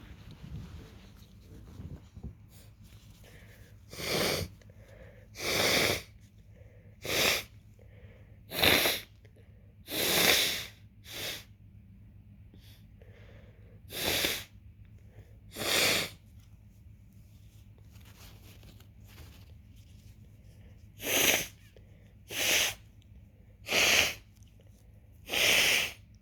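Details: Runny nose in the early stages of a cold, triggered by drinking tea: repeated wet sniffs, short nose-blowing bursts and a few coughs.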